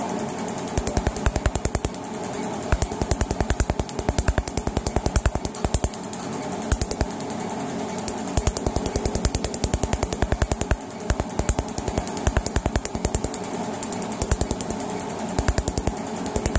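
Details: Rapid, sharp snapping pulses, about two to three a second, over a steady machine hum: a Q-switched laser firing during laser removal of a sun tattoo.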